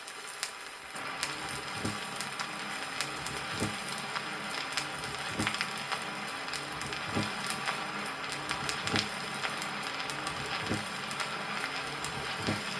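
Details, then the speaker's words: Split second heart sound heard over the pulmonary artery in mitral stenosis, from a 1963 Soviet teaching record: regular heart sounds through heavy record hiss. "прослушайте раздвоение второго тона над лёгочной артерией при митральном"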